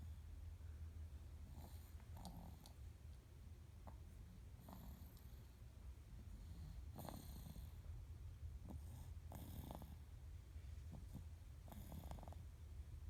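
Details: A 4-month-old snoring gently during sleep: soft, low rhythmic breathing noises with faint snorts over a steady room hum.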